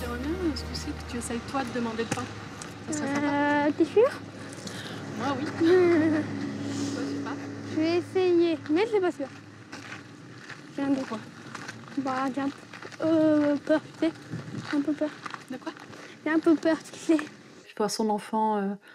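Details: Stuttering in an 11-year-old boy, present since early childhood (about age 6); speech laborious; parents' treatment attempts so far unsuccessful; real footage.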